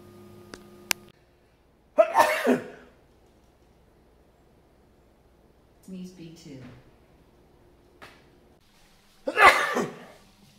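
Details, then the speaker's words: Two loud, sudden adult sneezes in a quiet room with a brief faint voice between, picked up by a home neural-network noise detector's microphone number two, which logged them as sneezes from one household member; sneeze. "for example we can do now detect sneezing oh that he isn't a hearse sneeze so that we can better track what we're allergic to seasonal allergy or whatever here's an example of that"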